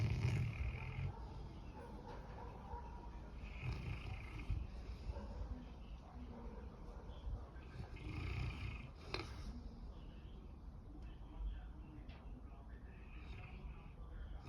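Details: Dog in deep sleep: deep, rough, rumbling breathing with a harsh rattling quality recurring throughout, loud snoring likened to Star Wars sounds.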